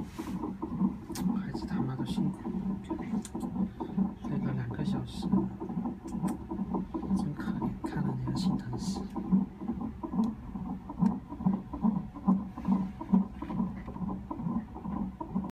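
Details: Fetal heartbeat recorded on Doppler from the mother in an emergency department: rapid, rhythmic whooshing thumps at about 136 beats a minute.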